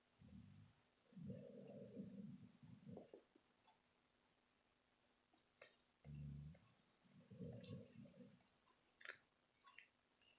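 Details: Sleeping subject, described as dreaming, snoring in low, rumbling, drawn-out bursts with quiet breathing between.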